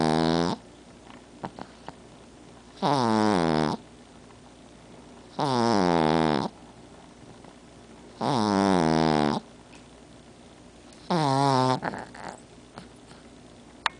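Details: Female pug, a flat-faced dog, asleep on the owner's chest: loud, tonal snores on each breath in, about 21 a minute, with quiet pauses between; snoring.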